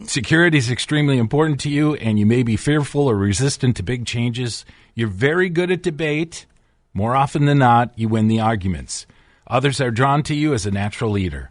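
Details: Adult man reading aloud; normal voice.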